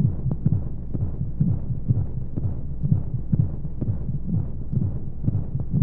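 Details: Womb sound played as a sleep aid for babies: muffled, low whooshing thumps at about 125 a minute over a steady rumble of flowing sounds and white noise; a womb-like heartbeat.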